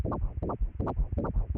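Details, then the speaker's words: Fetal heartbeat on Doppler at about 12–13 weeks of pregnancy, heard at an obstetrics clinic visit in Korea: fast, rhythmic whooshing pulses like a fast train, around 155–160 beats a minute. "And I heard the heart beat, too! I listened to it for 2-3 seconds It's the sound of a fast train..?"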